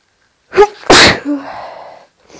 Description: This is all induced, I have no allergies or hayfever!